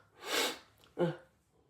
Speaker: See the sneezing power? That was actually the worst sneeze I ever took.